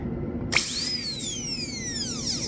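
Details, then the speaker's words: Sharp high-pitched whine that rises then slowly falls as a high-speed handpiece spins down while rounding the outline form of a class II DO amalgam preparation on a maxillary first premolar, a bench exercise. "so now let's move on to the uh with the hand piece that I'm going to make the outline form more uh pleasing"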